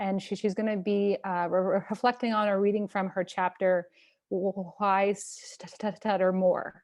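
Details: Stuttering in a person who stutters hosting a stuttering community event; part-word repetitions audible.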